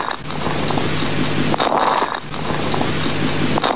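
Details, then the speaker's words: Coarse crackles in a nursing lung-sounds lesson: breath sounds with loud, low-pitched bubbling crackles throughout. "And then moving on, we have coarse crackles. These are louder and low pitched."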